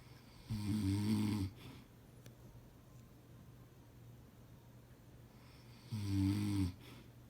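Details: Adult man (husband) snoring in sleep: two loud, low rattling snores on the in-breath with quiet breathing between.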